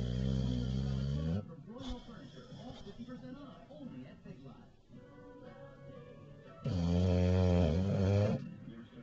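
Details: Bulldog snoring: two loud, rattling, buzzing snores with quieter snuffly breathing between them, recorded on a Flip Video camcorder.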